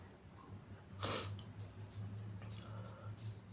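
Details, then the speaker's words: One muffled, forceful sneeze followed by soft wet sniffling breaths in a quiet room; sneeze. "Sorry. Oh, it tickles. Just sneeze. Oh, bless me. I'm gonna blow my nose."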